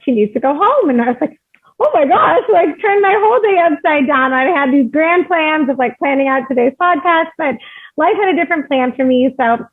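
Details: Adult woman speaking; Normal speech.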